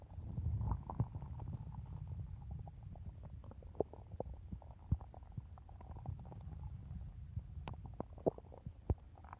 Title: stomach growling in 3 minutes